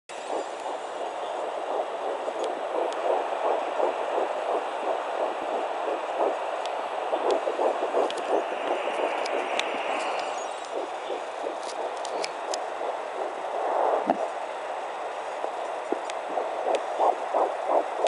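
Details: Fast, rhythmic whooshing pulses of a fetal heartbeat at 10 weeks 3 days of pregnancy on a fetal Doppler, averaging about 159 beats a minute.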